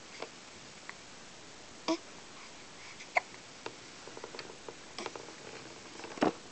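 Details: Soft, brief catching sounds at irregular intervals with small sniffs and faint room noise; a baby's hiccups.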